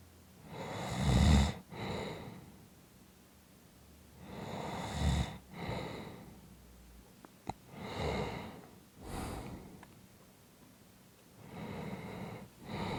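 Loud rough snores on each breath in, with softer breaths out, about 16 breaths a minute; ordinary snoring.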